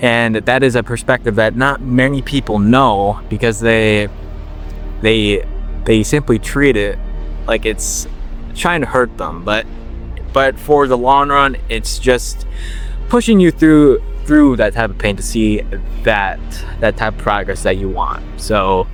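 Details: 21-year-old man with stuttering since he began talking, worked on for years and reportedly helped by slowing down; word and part-word repetitions still present; stuttering.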